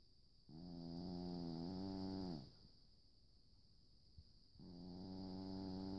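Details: Two long, droning, tonal snores separated by a quiet pause, with a faint steady high whine behind them: snoring during sleep.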